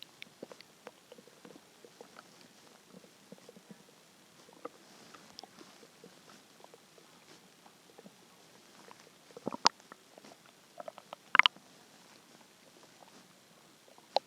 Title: hungry stomach growls 1